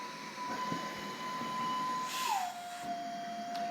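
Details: Pegaso E7C cough assist (mechanical insufflation-exsufflation) device, not connected to a patient, running its assisted cough mode: steady motor tone that drops in pitch with a brief airflow rush as it switches from push phase to pull phase.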